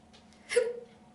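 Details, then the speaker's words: Single sharp voiced catch of breath with a brief throaty squeak: a self-induced hiccup produced on command, claimed to be real, from the belly muscle, in a quiet small room. "and that's how you give yourself the hiccups these are not fake hiccups I promise you that these are real real hiccups from the belly muscle I guarantee it"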